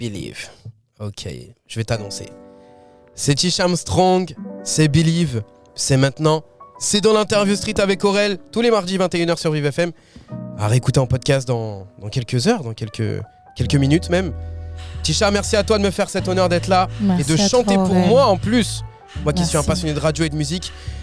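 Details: Adult male speaker; normal voice.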